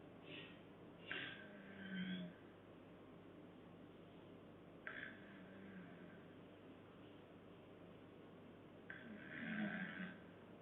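Three loud rough breaths about four seconds apart, each with a low fluttering rattle, over quiet room noise: snoring during sleep.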